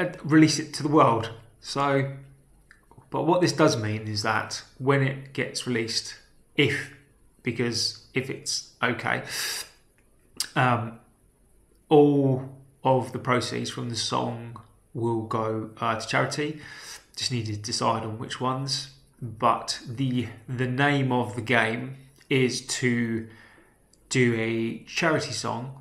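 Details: Adult man with a self-reported real stammer, speaking naturally, with part-word and whole-word repetitions; stuttering (stammering).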